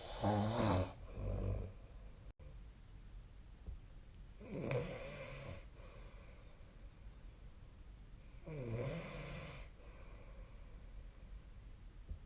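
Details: Adult snoring recorded with the SnoreLab app: three low, fluttering snores on the in-breath about four seconds apart, with quiet room noise between.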